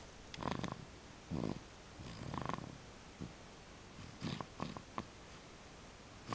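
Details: Polly Pip, apparently a small animal, snoring; soft, irregular snuffling, purr-like bursts with small clicks in a quiet room.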